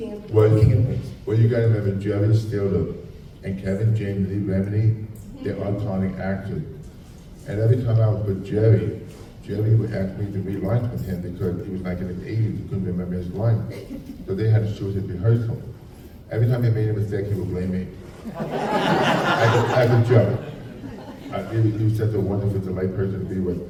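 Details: Adult man with profound hearing loss since childhood and a childhood speech impediment, trained in phonetics, who wore two hearing aids and received a cochlear implant about 3.5 years ago; deaf speech (speech of profound hearing loss).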